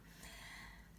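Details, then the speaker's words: A pet guinea pig snoring while asleep: a faint, brief snorting breath over quiet room noise. "ой чуєте як міста сік хропе ти Свинка помічник спить"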